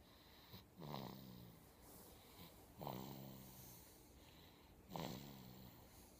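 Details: Sleeping baby snoring: soft, regular snoring breaths about every two seconds, each with a low buzzing vibration.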